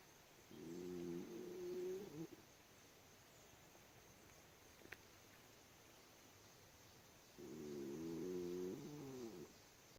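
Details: Raccoon sleeping under steps during the day, snoring: two drawn-out, buzzing, voiced snores several seconds apart against quiet background.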